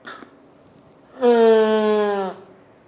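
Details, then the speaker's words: Metered-dose inhaler used with a spacer, deliberately inhaled too fast: one clear, high whistle of about a second, falling slightly in pitch; spacer warning whistle, absent at normal inhalation speed. "കണ്ടോ, ആ sound വരാൻ പാടില്ല. നമ്മൾ normal സ്പീഡിൽ എടുക്കുകയാണെങ്കിൽ, കറക്റ്റായ രീതിയിൽ എടുക്കുകയാണെങ്കിൽ ആ സൗണ്ട് വരത്തില്ല. ആ സൗണ്ട് വരുന്നതിൻ്റെ അർത്ഥം നമ്മൾ വലിക്കുന്ന സ്പീഡൊന്ന് കുറയ്ക്കണമെന്ന്."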